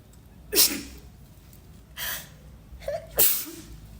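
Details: Induced sneezes after tickling: two sharp sneezes with a gasping breath and a brief voiced catch between, over faint room hum. Sneeze.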